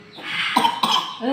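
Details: Two short, sharp cough bursts from a child pretending to cough, a deliberately faked cough rather than an illness cough; voluntary cough.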